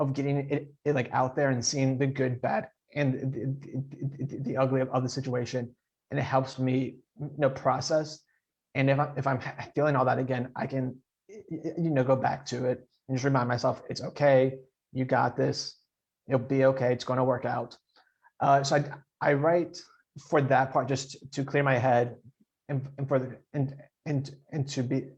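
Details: Adult man who stutters; audible repetitions; stuttering.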